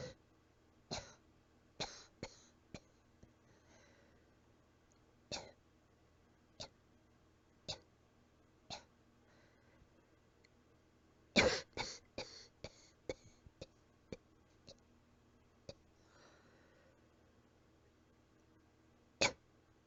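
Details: A cat gives about twenty soft, short, weak coughs in irregular runs and sounds a little out of breath. Weak cough.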